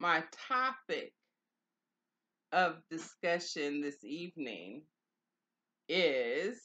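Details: Adult woman with aphasia after stroke, two years and four months into stroke recovery; early on she could not say the words she was trying to say. Non-fluent aphasia.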